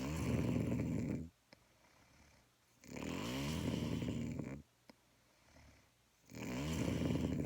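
Loud rattling snores on each breath in, about one every three seconds, with quiet pauses between; ordinary snoring.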